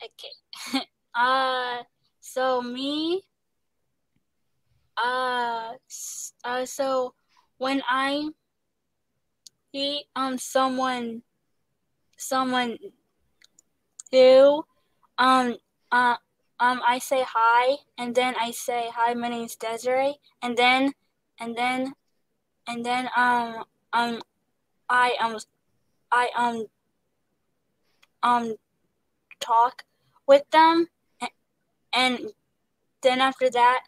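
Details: Stuttering in a young woman, an actress, singer and dancer, who describes pauses, word switching and restarts and receives speech therapy.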